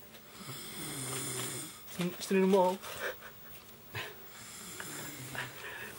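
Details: Adult asleep at a friend's place after being tired, filmed by the friend; two slow, rattling inspiratory snores with a brief louder squeak between; ordinary snoring.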